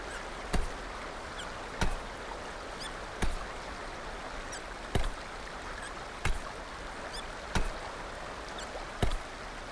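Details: Girl with hiccups: seven short, sharp hiccups, about 45 a minute, against steady background hiss.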